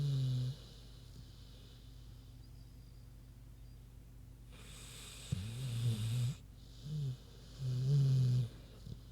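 Low grunting snorts in a few irregular bursts over steady room hum; snoring in a sleeping pig.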